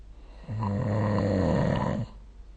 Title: 🐽 Snoring Sleep Sound